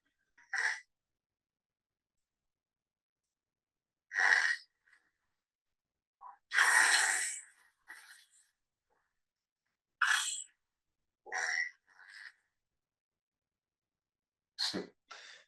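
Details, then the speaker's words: Obstructive sleep apnea in a sleeping man during a sleep-study recording: long silent apneic pauses, some 10–15 seconds, broken by short, loud gasping, snorting breaths and snoring as breathing resumes. "this is what sleep apnea actually sounds like okay snoring already okay stop right there all right stop breathing another episode that's two look how long he's not breathing"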